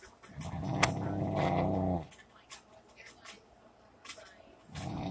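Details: A dog snoring in sleep: a long, rough, growl-like snore followed by soft snuffles and the start of another.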